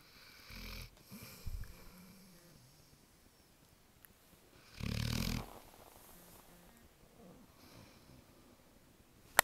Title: American Bulldog snoring